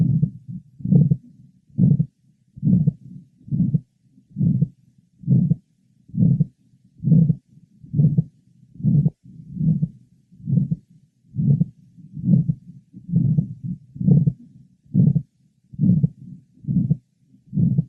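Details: Aortic stenosis murmur from a 63-year-old man with severe advanced aortic valve stenosis, with a systolic gradient over 100 mmHg at catheterization. It is well heard over the precordium from the aortic area to the apex.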